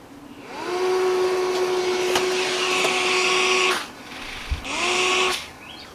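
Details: Philips DreamStation CPAP machine powered from a portable LiFePO4 battery backup; steady motor whine rises and holds, stops briefly, then starts again: CPAP blower running.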